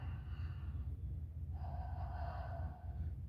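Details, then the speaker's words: Normal breath sounds in a female patient during lung auscultation around the scapula on the back, breathing normally through the mouth: soft breath with low rumble, healthy lungs. "por favor respire mediante la boca como lo haría normalmente"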